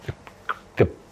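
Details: A lecturer's own three-year-old son with croup, filmed at home in the bathroom: a short, harsh, bark-like cough.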